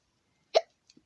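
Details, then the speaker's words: A single sharp, abrupt hiccup from a child who says he has the hiccups, then near silence. "I'm sorry if I talk a little weird. It's because I had the hiccups."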